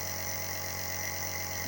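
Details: Steady mechanical hum and hiss of a running nebulizer compressor during a baby's nebulizer treatment.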